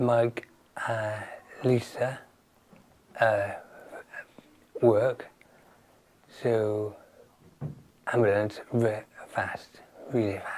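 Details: Person with aphasia after a stroke who attends speech and language therapy; aphasia.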